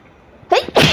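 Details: Sneeze during a sneezing challenge using paper: a quick catching inhale followed by a single loud, explosive burst of air through the nose and mouth.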